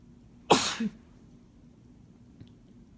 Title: Boyfriend's sneezes (m)